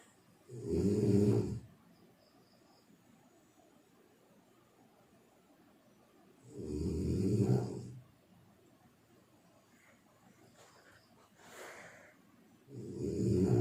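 Loud, rough snores on slow breaths, about every six seconds, with quiet pauses between them, typical of ordinary snoring.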